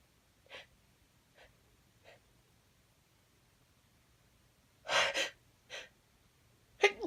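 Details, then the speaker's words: Sneezing in a woman after sniffing chhinkni to induce them: three soft inward catches build to a loud burst of sneezes, then two more sneezes in quick succession, in a quiet room. "Can feel it burning, tickly. I can feel it building. Oh, what a tease. I can feel it build. There we go. That felt so good."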